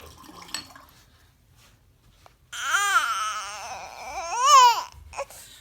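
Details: Infant reacting to an adult's sneeze: a single drawn-out infant wail, voiced and clear, rising and falling in pitch over about two seconds; an ordinary infant cry.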